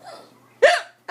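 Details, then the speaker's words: Adult woman (mother) with persistent hiccups while a child says "boo" to scare them away: a sudden, sharp, voiced gulp, then the start of another hiccup. "oh my God I still have the hiccups okay oh that was a good boo maybe you scare them away they'll go away"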